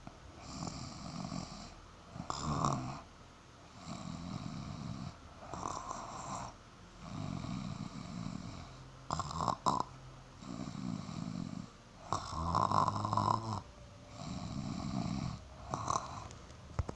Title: My snore live💓